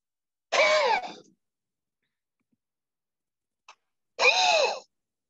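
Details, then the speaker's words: A respiratory therapist demonstrates two forceful open-mouth high huffs (forced expiration technique) for cystic fibrosis airway clearance, each about half a second, with a faint breath between them. "now a high huff is when you've gotten it up a little further and it is much more forceful but again open mouth technique let me show you real quick"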